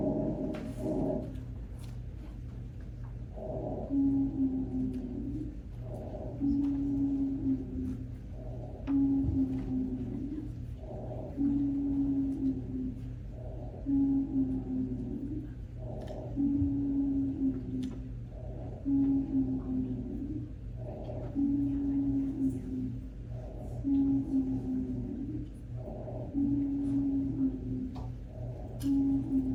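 Musical, whistling wheeze repeats with each labored breath, about 12 breaths a minute, typical of an asthma attack.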